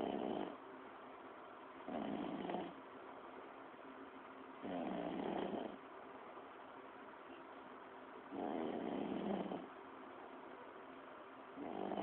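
Rhythmic rumbling snores with each breath, roughly every three to four seconds, about 16 a minute, moderately loud over a steady background hum.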